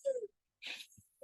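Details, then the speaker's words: An adult asthma educator imitates a wheeze for patient education: a brief high, whistling, falling tone followed by a breathy rush of air, like tight-chest asthma wheezing. "it's a sound it sounds like music but it's coming from the chest and that's because the chest is so tight that air is trying to squeeze in really get in so that's why it's making the sound"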